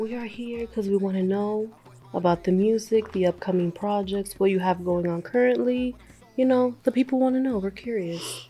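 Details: Adult speaker; normal voice.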